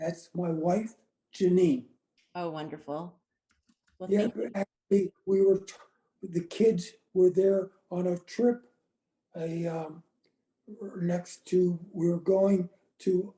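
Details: Woman with aphasia after a gunshot wound to the head in January 2011; words are in her brain but she can't get them out; speech short and effortful.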